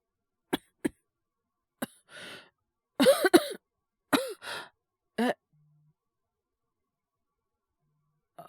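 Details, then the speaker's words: Simulated cold cough acted by a male voice actor, mild fever 36.9°C: scattered coughs, some in pairs, with breathy exhalations between; cough worsening since previous day. "ご覧の通りっていうか、お聞きの通りですかね。ちょっと咳出るようになっちゃって。風邪ですかね？"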